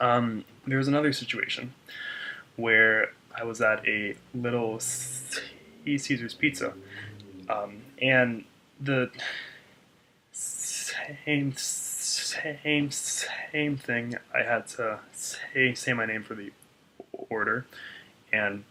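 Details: Stuttering in an adult man, with audible word repetitions.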